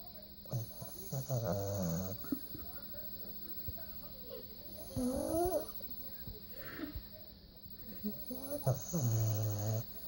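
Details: Small dog sleeping: irregular low snorting snores with a whistling, squeaky quality on some breaths, over steady room hum; snoring.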